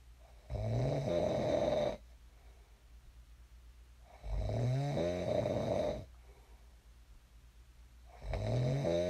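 Deep, vibrating snores on each breath in, about 16 a minute, with quiet pauses between; ordinary adult sleep snoring.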